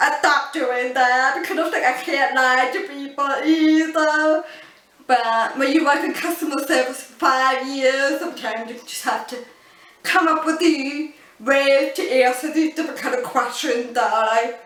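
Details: Adult woman born deaf, using cochlear implants, who learned spoken English through childhood speech therapy; she attributes her deaf accent, often mistaken for a foreign accent, to learning words by sounding them out piece by piece; deaf speech.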